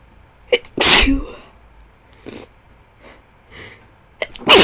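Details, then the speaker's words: High-school senior with a new cold, sore throat and little sleep, inducing sneezes: several sharp, explosive sneezes with quick inhaled catches before them and softer breathy sounds between; a run of sneezes. "my throat hurts so much right now um yeah so i'm just gonna get to sneezing for you all inducing because yeah damn it you"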